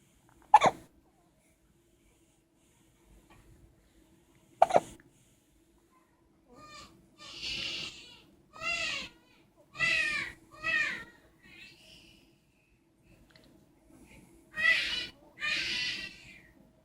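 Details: Child gets hiccups: two sharp, abrupt hiccups a few seconds apart, followed by whimpering vocal sounds.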